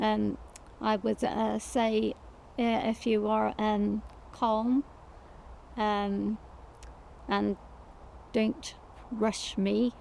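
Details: Woman, a stroke survivor whose stroke affected her right side and initially left her with no speech; aphasia after stroke.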